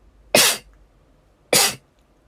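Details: Sneezing in young Japanese women: two short, sharp, hissing bursts about a second apart.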